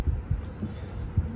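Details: Low, muffled whooshing thumps of a fetal heartbeat on colour Doppler sonography at the start of the ninth month of pregnancy.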